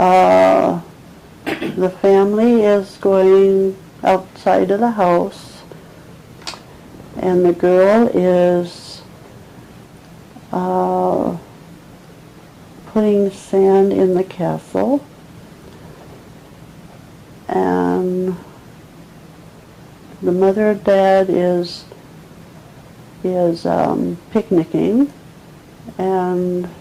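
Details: Picture description by a 74-year-old with a two-year history of difficulty getting words out; nonfluent/agrammatic primary progressive aphasia involving Broca's area (inferior frontal gyrus).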